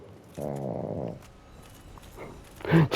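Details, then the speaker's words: Small dog sleeping and snoring: a low, buzzing, voiced snore followed by a short noisy breath. "if you can hear snoring in the background that is my little dog he likes to sleep on me and snore his head off as loud as possible"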